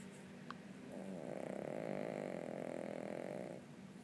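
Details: Dog named Jeep Jeep sleeping, making a single long, rattling, fluttery snore lasting a few seconds, with quiet room noise around it: snoring.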